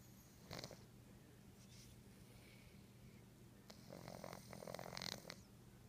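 Quiet, soft snuffling snores from a sleeping cat over low room hum, with a couple of louder snorty breaths.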